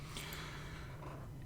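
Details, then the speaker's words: A sleeping female dog with a very loud snore gives a short, low, rough snorting breath in a quiet room, heard in the background of speech. "if you can hear snoring it's just my dog you know that's she's a very loud snore"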